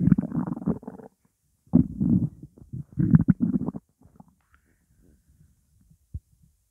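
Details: Hunger stomach growling (borborygmi) during a 12-minute recording of an empty stomach holding only water: low throaty rumbles in a few bursts fading into faint gurgles.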